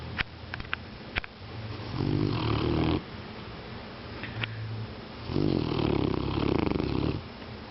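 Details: Dog snoring loudly: two slow, low, fluttering snores with quieter breaths between them, over room noise.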